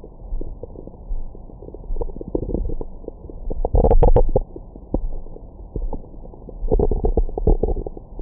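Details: Adult woman's abdomen recorded with a Stemoscope stethoscope microphone after a large meal: gurgling, rumbling digestive noises, with occasional squeaky tones; bowel sounds (stomach growling).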